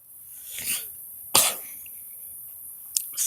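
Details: Early-morning (about 3 a.m.) vlog, awake adult: one sharp, short cough burst with a softer throat sound before it and a brief noise after, over faint background hiss.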